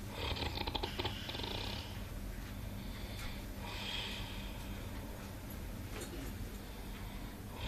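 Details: Snoring: soft, rough breathing noises over a low, steady room hum.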